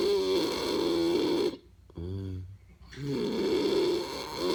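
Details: Loud, rough, drawn-out snoring breaths broken by a short pause with a lower sound between; snoring.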